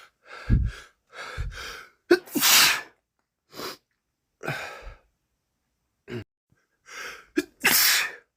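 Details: Male sneezing bout from a common cold: repeated gasping in-breaths building to about three explosive sneezes in a row, with sniffles between.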